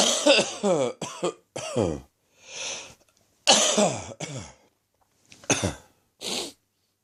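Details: Late-morning coughing fit from a slowly resolving chest infection: about eight rough, voiced coughs in quick clusters with short gasping breaths between.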